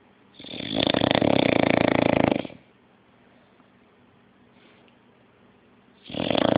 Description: 6 month old english bulldog snoring the day away